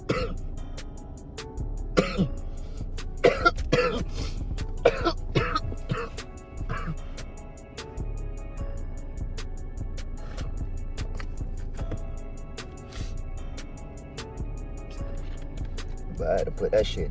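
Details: Repeated harsh, throat-clearing coughs from an adult after inhaling a hit of smoke, over background music; the coughing reportedly lasted two to three minutes. Cough after smoking.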